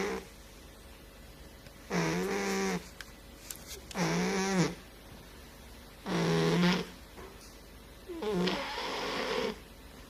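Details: Loud, buzzing snores with a rising whistle-like tone, about 29 a minute, separated by short pauses, from a fat cat snoring in sleep.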